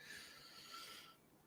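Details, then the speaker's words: Pet dog snoring in the background of a podcast recording while people talk. "You can hear my dog. That's Zeus. He's snoring."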